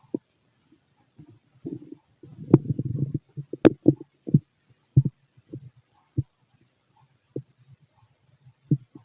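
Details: Bowel sounds from a fit adult male's abdomen, recorded with a stethoscope: irregular gurgles and low rumbles with one longer run of growling; normal bowel sounds from active gut movement.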